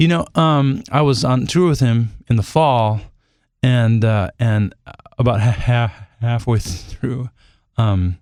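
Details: Adult male singer who stutters, says he has become more fluent with age, and has a cold during this interview; stuttering.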